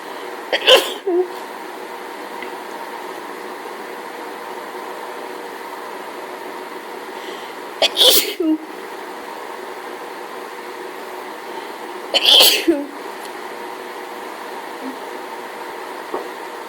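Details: Person in an allergy fit from hay fever: three sharp sneezes about four seconds apart over steady room hum; repeated sneezing.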